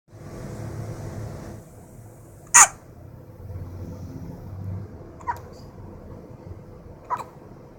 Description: Two-weeks old baby's hiccups